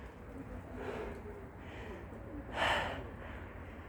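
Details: A stray cat with a severe cough under a persimmon tree gives a single short, harsh, breathy cough over faint outdoor background.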